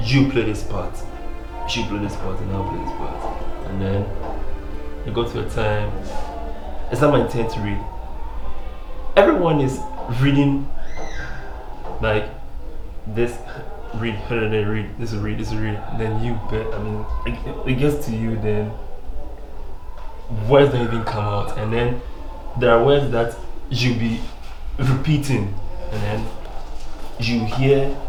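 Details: Adult Ghanaian professional who stammers, speaking with repetitions and garbled words. Finding: stammering.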